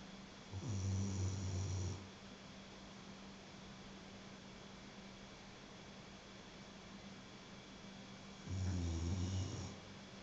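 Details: Snoring: two loud, low, rattling snores on inhalation about eight seconds apart, with quiet breathing and a steady room hum between them.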